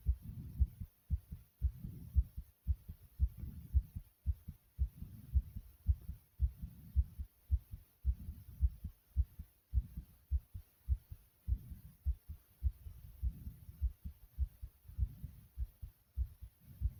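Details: Fast, regular heartbeat at about 110 beats a minute with breathing swells, recorded right after doing jumping jacks: sinus tachycardia after exercise.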